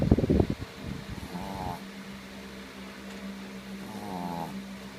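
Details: Sleeping dog snoring loudly enough to be mistaken for a person: two soft, low, buzzing snores on the in-breath, with a fan humming in the background.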